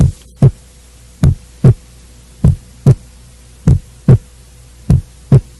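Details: Physical-exam teaching audio: regular lub-dub pairs at about 50 beats a minute over a faint steady hum; normal first and second heart sounds in a regular rhythm.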